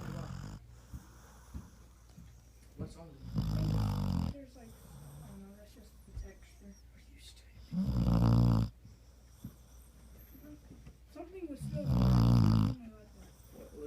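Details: Sleeping dog, three loud, low, rattling snores about four seconds apart over quiet breathing, faint background music; snoring.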